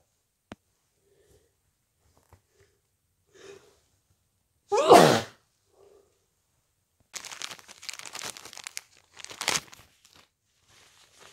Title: stuffy cold sneezes and blows